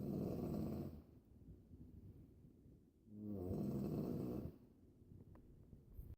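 Two loud, rough, rattling snores on breathing in, separated by quieter breaths out, with steady cabin hum behind.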